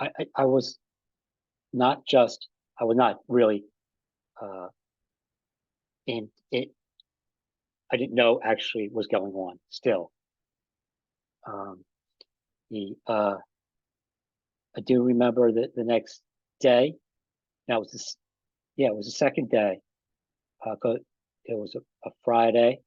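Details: Adult man with aphasia after an ischemic stroke that occurred together with a heart attack about five and a half years earlier; still has trouble with names and word tenses.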